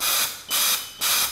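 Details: Demonstration noninvasive high-frequency jet ventilation with Paravent ventilator via soft-edged transparent face mask, multi-jet generator; used for pulmonary edema, respiratory depression, respiratory failure; rapid rhythmic hissing gas jets about 120 cycles per minute.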